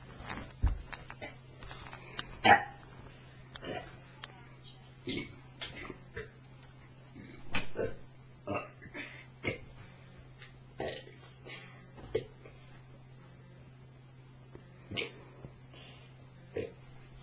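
A series of short, abrupt throaty burps, with a steady low hum in the background.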